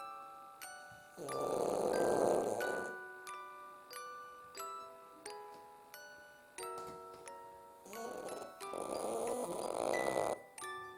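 Two long, loud, noisy snores, each a few seconds, over steady chiming music in the background; a sleeping dog snoring loudly.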